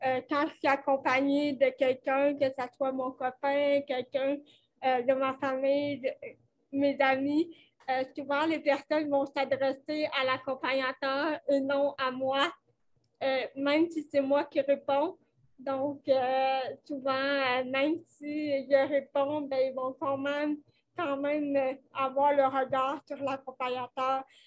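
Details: Dysarthria in a 29-year-old woman with cerebral palsy caused by lack of oxygen at birth, who says her speech is affected.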